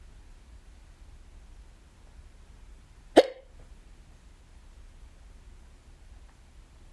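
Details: Person alone at home with hiccups, recurring several times that day: one sharp, abrupt hiccup in a quiet room with low background hum.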